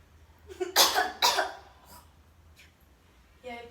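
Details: Acted demonstration of effective cough technique for patients (Indonesian assignment): a deep breath in, then two strong forceful cough bursts, with faint voices afterward.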